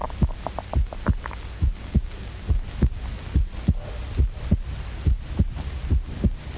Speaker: Does this sound like the rhythmical beat of a jungle drum? Actually, it is the sound of a human heart which science can amplify 1,000,000 times, just as sound can be amplified by measuring instruments in factories to make sure that gears are smooth.